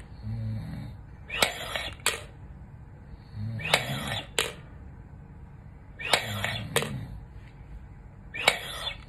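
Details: Four breathing efforts through an incentive spirometer, each a hissing inhalation with sharp clicks between quiet breaths, 5 weeks after open-heart quadruple bypass surgery; struggling to raise the third ball.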